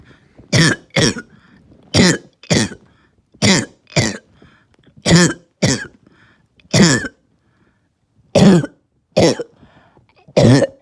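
Repeated harsh coughs, mostly in pairs, about a dozen in all; a hoarse, barking cough.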